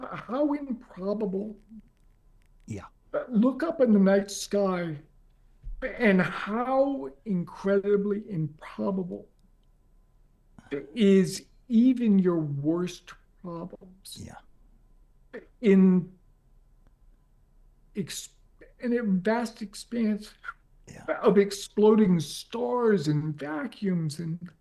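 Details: Adult man with ALS diagnosed four and a half years earlier and now near end stage; paralysis spread from right calf through legs, core, arms and hands to the neck; uses a ventilator to speak; difficulty speaking and breathing; dysarthria in ALS.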